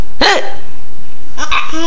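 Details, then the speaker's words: Young child with hiccups, like the mother; two brief abrupt voiced 'hic' catches about a second apart in a quiet room: hiccups. "do you have the hiccups?"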